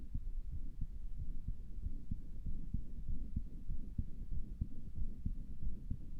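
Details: Self-recorded heartbeat through own stethoscope; the person thought it sounded weird and asks if it is a murmur. Muffled, regular, about 95 beats a minute, with steady background rumble; no clear murmur stands out.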